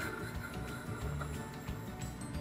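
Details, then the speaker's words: Low rumbling breath sounds with scattered fine brief crackles in a patient with bronchitis; crackles. "the breath sounds heard with bronchitis are usually fine exory crackles"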